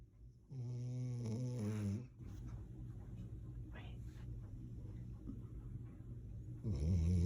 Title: My dog snoring on my lap!